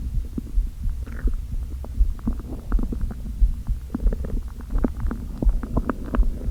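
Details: Person who had not eaten all day, only coffee, with hunger pangs and slight headache: low, irregular stomach gurgles and rumbles over a steady low hum; borborygmi of an empty, hungry stomach, a normal finding.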